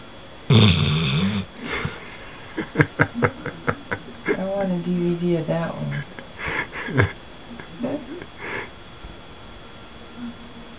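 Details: Loud, rough snoring with snorts and sniffs from a sleeping red-nose pitbull/American bulldog mix when tired, in a small room; snoring.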